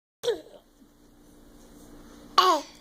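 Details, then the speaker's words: A brief, sharp infant sneeze, followed by quiet room noise and a second short vocal burst. "you sneezed onto my mouth thank you for that"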